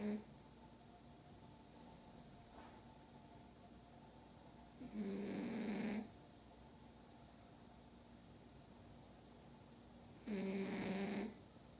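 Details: Quiet breathing broken by loud, rattling snores about every five to six seconds, roughly 11 a minute; snoring.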